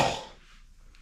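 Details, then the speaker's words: Single brief, harsh cough burst from an adult, fading quickly into quiet room noise, at day's end while still recovering from a cold. "What's up, guys? We're at the end of another day. Damn, I got a cough again."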